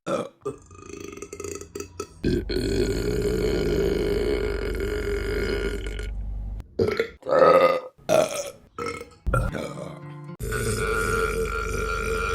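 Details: Burping compilation: long, loud, sustained belches with a few shorter ones, in a small room.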